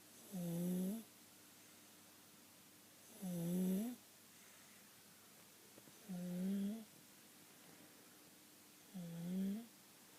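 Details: A person asleep, recorded July 2012: continual noise on each breath in, inspiratory stridor.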